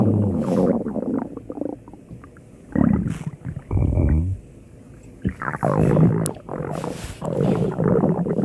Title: Hungry Stomach Growling @JewlyanaHoltFunDay